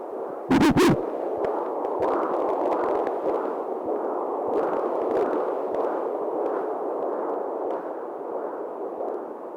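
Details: A mother listens to her unborn baby's heartbeat on ultrasound Doppler: rapid, rhythmic whooshing pulses over steady hiss, a fetal heartbeat.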